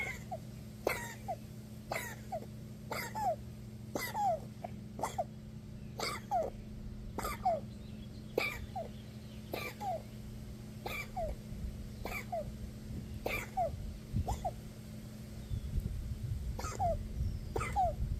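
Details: Dog wheezing: repeated sharp, squeaky wheezing breaths, roughly one a second, over a steady low background hum.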